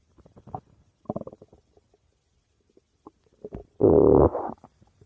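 Scattered soft gurgles, then a loud, drawn-out rumbling growl; ordinary stomach growling.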